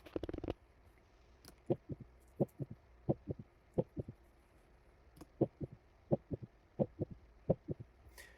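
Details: Asymptomatic young male soccer player with abnormal ECG (T-wave inversion) auscultated at cardiac apex: regular heartbeat near 86 a minute with a soft extra early-diastolic sound, a physiologic S3.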